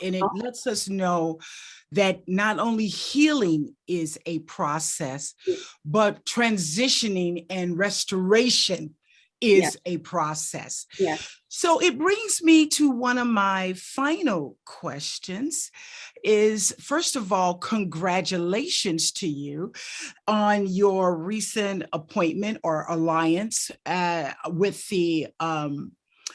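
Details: Adult woman speaking; no disorder.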